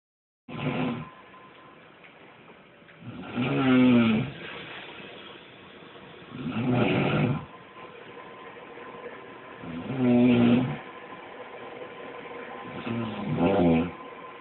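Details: Steady, regular rhythmic rumbling snores on each breath, about 19 a minute, while someone nearby plays a video game; snoring.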